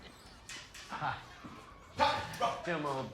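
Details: Barking vocal tic (Tourette syndrome).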